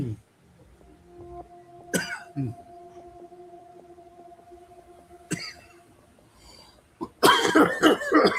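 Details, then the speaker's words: Several short, sharp coughs over steady background tones, ending in a louder run of coughing brought on by laughing hard. Others suggested it sounded like a weed cough, but the cougher denied having any weed. "Damn. I I laughed so hard it made me cough."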